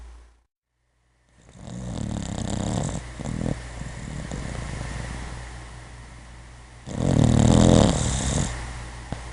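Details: Puppy snoring in sleep: low rumbling breaths and one louder snorting snore near the end, over a steady background hum; puppy has been very sleepy lately and snores a lot.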